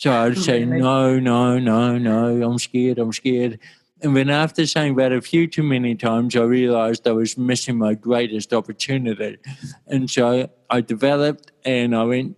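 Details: Adult male with cerebral palsy since birth in 1984; his walking and talking were affected from the start; dysarthria (cerebral palsy).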